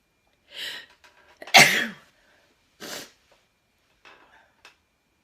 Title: Synthesis of induced sneezes for experiments 4